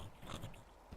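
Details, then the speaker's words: Imitated snoring: a short, low, rattling snort made by an adult to show how the airway closing causes snoring, with a brief follow-up puff. "Your tongue like goes down into your airway and it like closes. And so that's what snoring is."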